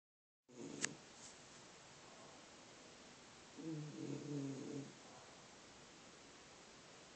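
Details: A low, rumbling, fluttering snore on one breath over steady background hiss from a sleeping bulldog whose snoring reportedly goes on all night; snoring.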